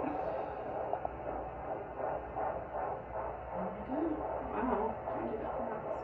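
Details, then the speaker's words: Fetal heartbeat of a baby girl on a handheld Doppler, heard for the first time at a prenatal visit and recorded on a phone: muffled, rapid, rhythmic whooshing pulses. "but this time i actually got to hear her heartbeat and gracie actually got a video of it on the phone so i'll pop that little clip in here"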